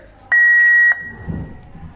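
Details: Defibrillator shift/weekly check: knob turned to manual and system check entered before charging from the paddles; a steady high electronic tone lasting about half a second, then quiet room sound, the system check beep.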